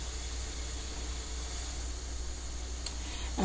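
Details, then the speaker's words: Constant airy hiss over a low hum, with no breath-by-breath rise and fall, from a man's home breathing machine running in the background while he sleeps. "I'm sorry for the error that you may hear that sound this in South that's my husband's breathing machine so I can't do anything about it while he's sleeping"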